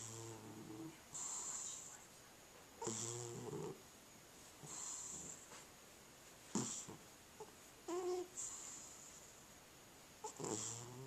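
A cat snoring: soft, rhythmic rattling snores on each breath in, alternating with airy breathing out, in a quiet room.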